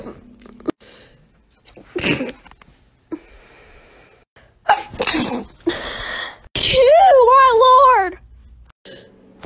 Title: sneezing compilation 7